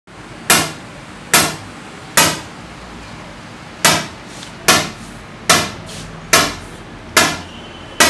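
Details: Shock wave generator of a kidney stone lithotripsy (ESWL) machine firing: loud, sharp cracking shocks about once a second, roughly 70 a minute, over steady room hum.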